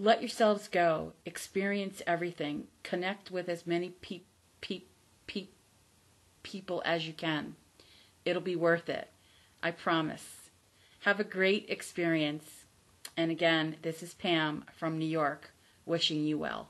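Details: Adult woman who stutters, formerly a covert stutterer, not recovered from stuttering and says her stutter is audible; stuttering.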